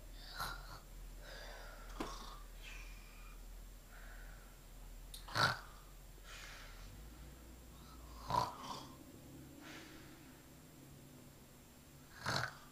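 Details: Young child asleep with soft irregular breathing noises and a few brief snorting bursts, about 20 a minute, in a quiet room; light snoring.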